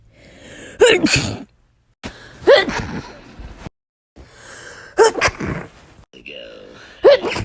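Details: Sneezing compilation: several explosive sneezes, each led by a sharp indrawn breath, about four in quick succession; ordinary sneezing.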